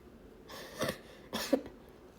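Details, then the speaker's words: Adult with asthma, cough attributed to eating Christmas sugary treats: two short, rough coughs; leftover asthma cough. "Sorry, that's a leftover asthma cough from said treats."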